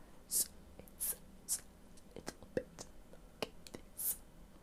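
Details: Laryngectomee demonstrating silent articulation (mouthed speech), used when valve speech, esophageal voice or an electronic device cannot be used, e.g. in a medical emergency; silent articulation after laryngectomy.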